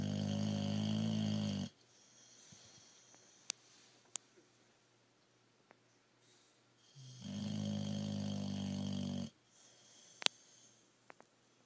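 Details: 1.5-year-old boxer dog snoring very loudly while sleeping curled up: two long, loud, buzzing breaths about five seconds apart with quiet pauses.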